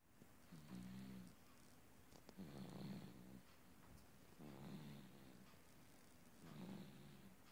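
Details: Baby asleep after listening to water running from a faucet, with loud, peaceful snoring: four regular low, rattling snores about every two seconds, roughly 32 a minute; steady, rhythmic snoring.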